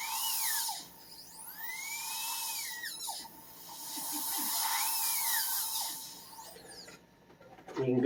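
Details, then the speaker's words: High-pitched dental drill whine rising and falling in bursts as a diamond bur trims excess composite from the lingual side of a tooth-coloured filling on tooth number 10. "I'm going to do a little bit of an adjustment with my diamond bur that I have right here just to get a little bit of the extra off there get a little bit off of the lingual"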